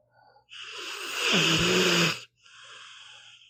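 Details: Sleeping pitbull dog snoring: a long, airy, whistling breath with a brief snore, then a softer airy breath.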